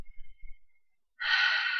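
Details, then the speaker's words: Deep, loud intake of breath after quiet breathing while talking fast, at 9 weeks of pregnancy; the speaker says pregnancy makes her breathe deeper and get out of breath when running around or talking too fast: breathlessness. "one of those pregnancy things where your body um tries to get you to take deeper and deeper breaths so you can get more oxygen to the baby so when i'm running around or talking too fast i get out of breath so bear with me"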